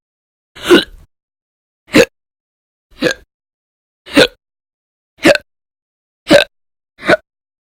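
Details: Recurrent hiccups lasting hours daily over a month, described as violent, loud or silent: seven abrupt, short gulping catches of breath roughly 1 to 1.3 seconds apart in a quiet room.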